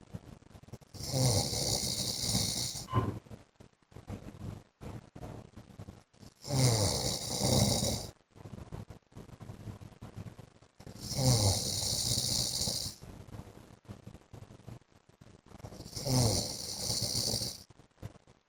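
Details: Adult man (husband) asleep: loud, rattling snores on each breath, about 13 a minute, with quieter breathing noise between; heavy snoring.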